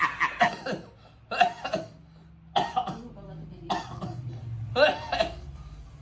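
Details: Chronic cough for about 2 years in a man with lung cancer who reports chest tightness: repeated bursts of harsh coughing in clusters, about a dozen coughs over six seconds, with faint room sound.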